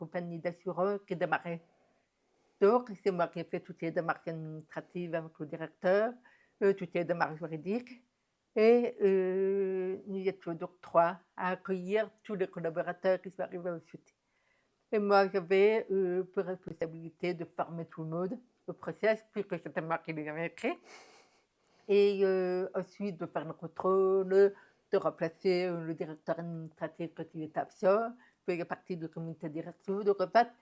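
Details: Deaf speech of a woman diagnosed deaf at 9 months, when doctors said she would never speak; she has never heard her own voice and learned to speak through about 20 years of speech therapy.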